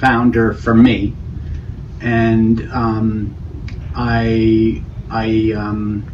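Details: Man with Broca's (non-fluent) aphasia after a stroke, showing word-finding struggle and non-fluent speech with meaning preserved.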